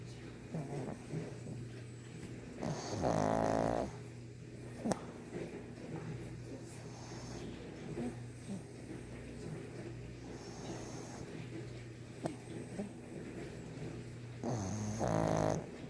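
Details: Snorting, rattling snore bursts over steady breathing, with two louder snore episodes, from a sleeping 1.5-year-old brindle pug; flat-faced dog snoring.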